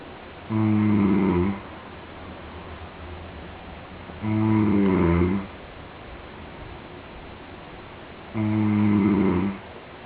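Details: Male friend snoring asleep, unaware of being recorded: loud, rough, buzzing snores on breaths about every four seconds, roughly 15 a minute.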